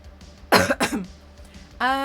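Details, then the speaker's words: Adult with a lingering cough, feeling better but expecting it to stick around: two quick, harsh coughs in a row while talking, then a sustained tonal sound, likely music. "my cough is a little bit annoying um and you'll definitely hear it but I kind of feel like this I think it's just going to stick around for a while"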